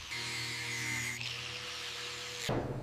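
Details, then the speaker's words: Cow hoof with a puncture wound, object no longer present, likely about an inch long: steady high motor whine with brief grinding change as a hoof grinder lowers the horn around the puncture site. "Right here, I'm using my grinder to lower that area around the puncture site."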